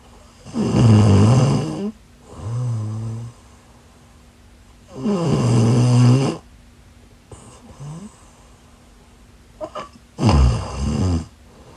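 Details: Person asleep: loud, harsh snores on each breath in, softer ones on the breath out, about 13 a minute, over a faint steady hum; snoring.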